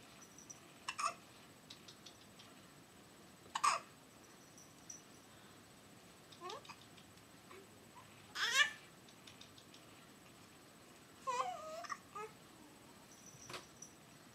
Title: Hiccups & Squeals